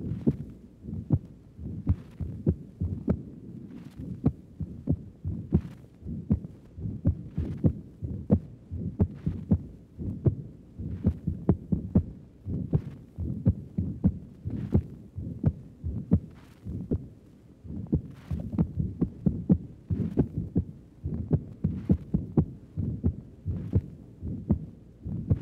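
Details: Recording from the pulmonic area of the upper chest of a woman with valvular heart disease: regular heartbeat with an accentuated second heart sound from raised pulmonary circulation pressure.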